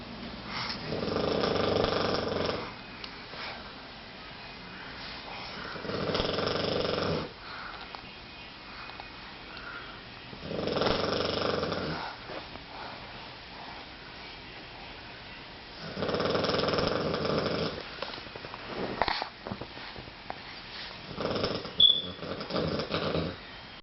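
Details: Sleeping dog snoring in steady, rumbling bursts, about twelve breaths a minute, in a quiet room.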